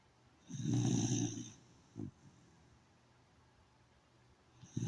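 One deep, loud, rumbling snore followed by a short snort; low, human-like snoring from a sleeping dog.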